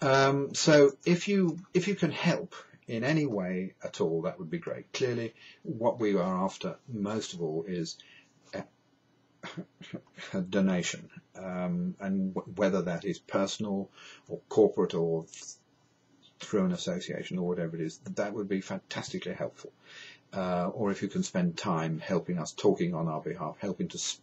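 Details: Stuttering (stammering) in an adult man who states he has a stammer, described as a neurological condition with no cure.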